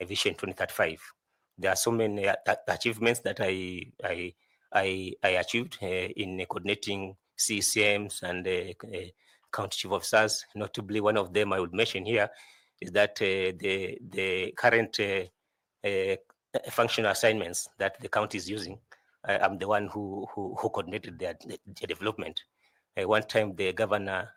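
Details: 41-year-old male candidate who says he stammers a lot; stuttering with word repetitions.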